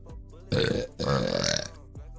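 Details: Two loud, drawn-out voiced belches (burps) in quick succession, the second longer; faint room noise between.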